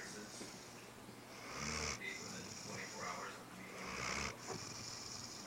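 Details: Great Dane napping: slow, rough, snorting breaths about every two seconds with a whistling edge; snoring.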